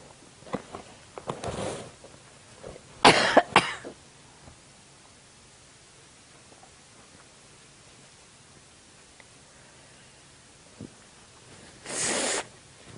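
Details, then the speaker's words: A burst of harsh coughs, a quiet stretch, then one more cough from an elderly grandmother, who attributes the coughing to her medication. "what you coughing for I don't know it's the it's um medication too"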